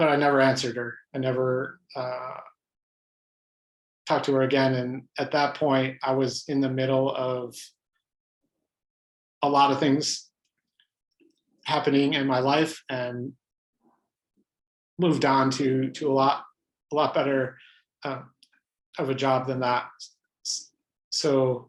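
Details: Adult man who stutters, pattern described as mostly blocks, speaking spontaneously in a real interview; stuttering.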